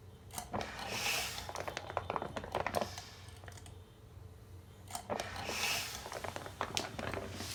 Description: The pump is now running 24+ hrs without any issues. Only the spring of the pump is making some noise but after checking, everything seams to be ok.